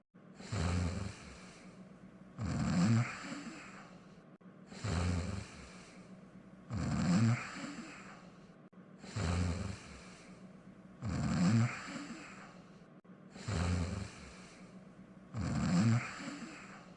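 Regular snoring at about 14 breaths a minute, a rumbling snore on each inward breath and a softer outward breath, from a cartoon.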